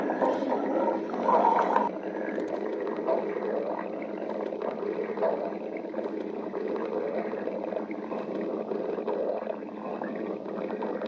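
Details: Badger's stomach growling: continuous gurgling, bubbling rumbles from the belly; borborygmi.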